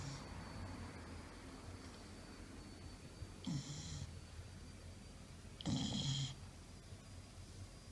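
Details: Sleeping golden retriever snoring: two rough, snorting snores a couple of seconds apart over a low, steady background hum.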